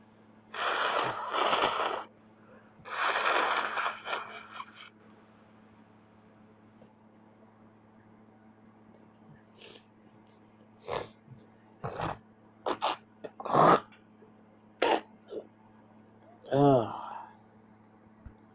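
Two loud explosive sneeze bursts, followed by quieter sniffs, snorts and a brief voiced sound; repeated sneezing.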